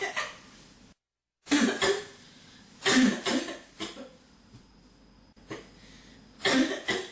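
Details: Four separate cough bursts, some double, with room noise between: a recurring cough from someone who cannot stop coughing.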